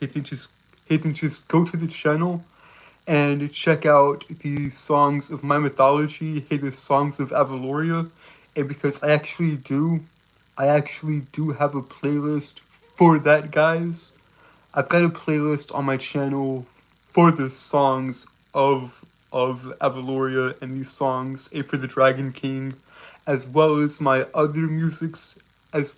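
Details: Stuttering with word and phrase repetitions; male speaker reports a speech impediment causing him to stutter and trip over his words.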